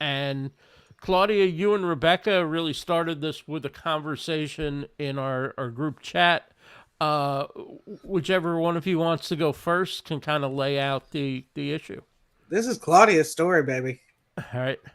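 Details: Adult male speaker; normal voice.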